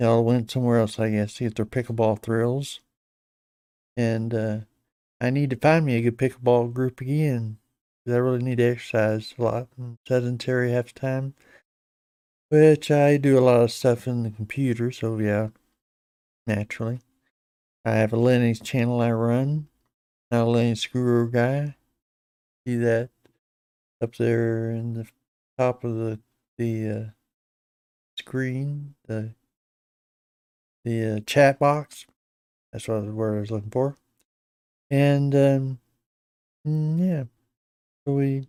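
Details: Adult man with Parkinson's disease for a little over 10 years, treated with deep brain stimulation since 2017, who says his voice has gone down and is less clear than years earlier; hypokinetic speech in Parkinson's disease.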